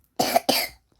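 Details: Child with a cough and cold: two quick, harsh coughs in a row.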